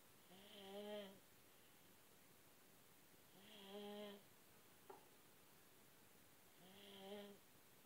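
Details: Snoring at 2 years old: three drawn-out, buzzing snores at about 19 a minute, each with a rough voiced quality, in a quiet room.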